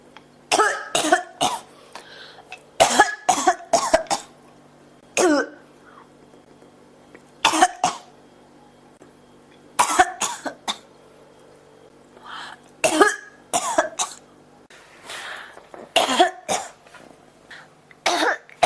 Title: 咳が止まらない 32～40 cough